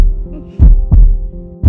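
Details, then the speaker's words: Early ultrasound scan at about 5 and a half weeks of an unplanned pregnancy: rhythmic whooshing thumps over steady machine hum, the fetal heartbeat heard for the first time. "at the scan we heard the heartbeat for the first"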